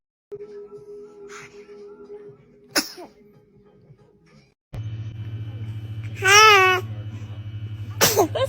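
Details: Baby sneezing: brief infant sneezes over light background music and a steady hum, with a short high cry-like sound between them; ordinary infant sneezing.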